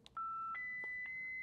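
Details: Short clicks then steady electronic tones stepping up in pitch as a Philips HeartStart MRx defibrillator charges to 150 joules into a test load during an operational check, before a test shock.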